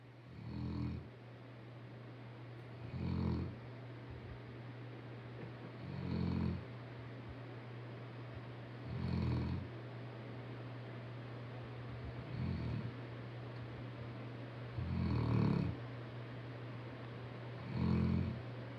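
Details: Snoring in a sleeping rescue St Bernard after a beach outing: deep, rumbling snores about every three seconds, around 20 a minute, over a steady low hum.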